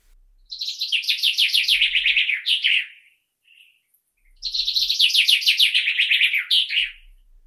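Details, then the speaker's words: Simulation by a person with one functional ear of how birdsong sounds through their cochlear implant two years after processor activation: two bright, rapid trills, now very close to the original. "The sound of birds was audible even a year ago, but now it is very close to the original for me."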